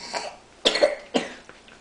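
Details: Young child's cough as a parent says goodbye: two sharp, loose-sounding coughs close together, followed by a quiet breath.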